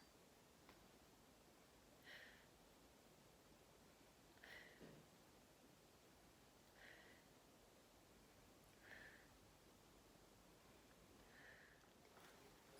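Soft, evenly spaced breath hisses in a quiet room, with a slow, regular, unlaboured rhythm; normal breathing during lung auscultation.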